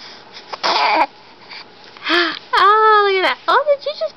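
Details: Infant girl who spat up earlier: short fussy whimpers rising into a clear crying wail in a quiet room, before a burp.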